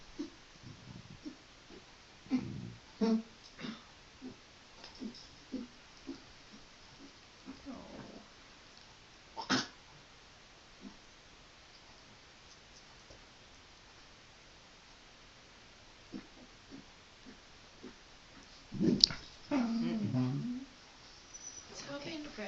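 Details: Dog named in title gives short, harsh coughs, some in clusters, ending in a longer retching gag: cough with gagging.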